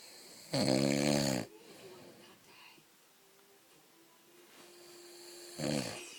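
Two loud, rumbling snores about five seconds apart, with quiet room sound between them; ordinary snoring during sleep.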